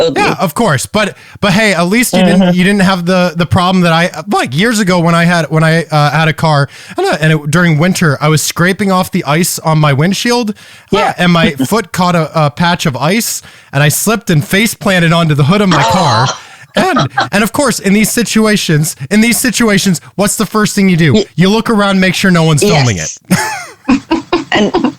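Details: Man with Tourette syndrome whose vocal tics include palilalia and echolalia (repeating words or syllables) and squeaking, with palilalia increasing over the past couple of years; palilalia (repetition of own words) heard.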